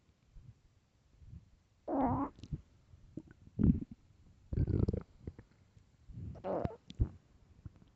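Loud gurgling and rumbling bowel sounds in several bursts, normal stomach growling when the stomach is empty.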